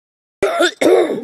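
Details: Two quick voiced coughs in a row from an adult, close to throat clearing.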